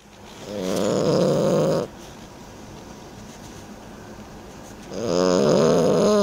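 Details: 30-week-old French bulldog asleep: two loud, rattling, buzzy snores with a quiet pause between, the inward breath vibrating strongly. Snoring.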